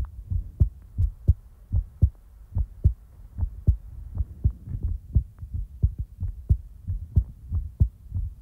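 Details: Steady, regular low thumps in pairs at about 70 beats a minute, recorded for ASMR in real time; normal heartbeat.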